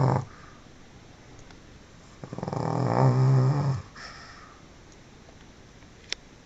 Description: Pekingese loudly snores while sleeping.